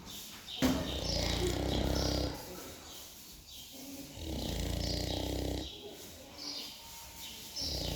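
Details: A pig taking a short nap: deep, rumbling, grunting snores in long bursts with quieter gaps; snoring in sleep.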